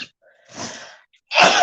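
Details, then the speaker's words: Adult with dust allergy sneezing while handling old books (pulp-paper Whitman books trigger sneezing, usually at least twice): a short in-drawn breath, then a sharp burst of a sneeze. "some of my books make me sneeze i found out that a lot of whitman books make me sneeze because they use this really pulp paper that's just like rag pulp paper"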